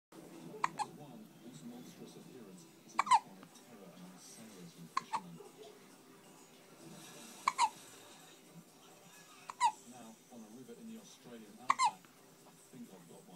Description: Cutest baby hiccups and falls asleep!!!!!